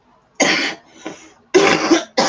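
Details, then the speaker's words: Adult on long-term medication for thirteen years, who reports breathing difficulty without an open window and a dry cough: three sharp, dry cough bursts spaced closely in a quiet room. "have to have a window open because if not I can't breathe and then you'll hear me coughing like this"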